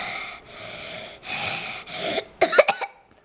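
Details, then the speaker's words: A child with croup, 24 hours after one dose of dexamethasone plus morning and evening fluticasone inhaler, takes noisy breaths, then gives brief softer coughs without the harsh bark: dramatic improvement after treatment. "a lot better isn't it whoa dramatic improvement in one day and that is wet ladies and gentlemen"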